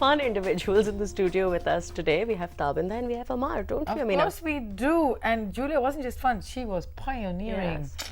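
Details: Adult female host; ordinary speech.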